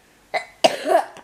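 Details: Two short, dry cough bursts close together from an adult who is ill while reading a bedtime fairy tale aloud, in a quiet room.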